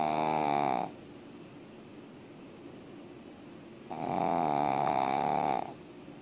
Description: Anna the Pug sure can saw some longs when when she's sleeping! Check out this clip to see how loud she can snore!